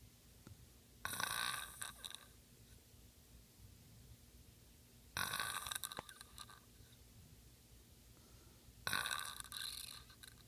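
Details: Man's nightly snoring during sleep: three hissing, rattling breaths about every four seconds, roughly 16 a minute, with quiet between.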